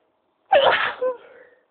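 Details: Single sharp, high-pitched sneeze with a short trailing exhale, part of a sneezing attack; an ordinary sneeze.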